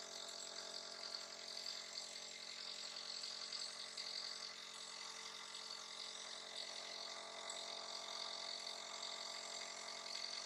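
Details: Nebulizer breathing treatment given to a little one who is coughing and sneezing: a steady buzzing hum of the compressor running continuously.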